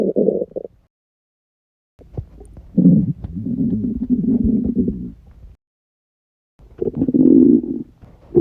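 Long low gurgling, bubbling rumbles in several waves with quiet gaps between: loud stomach rumbling from an empty gut after prolonged fasting.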